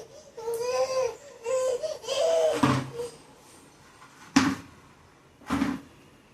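A young child cries in several long wailing bursts with sharp knocks between them; ordinary upset toddler crying in a small room.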